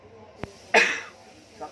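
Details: A child with a long-standing cough and itchy, dry throat, asked to cough during a hypnotherapy session: a single short, dry cough.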